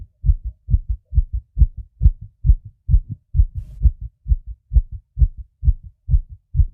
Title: my fast heartbeat sounds